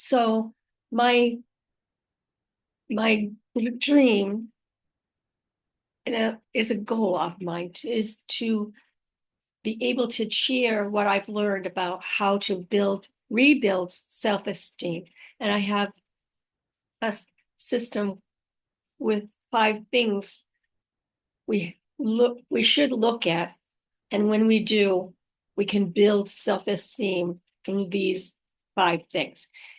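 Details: Female host living with aphasia after a stroke, also mentioning apraxia of speech and dysarthria; unedited recording keeping pauses and mistakes, made on a good day, in the morning; aphasia.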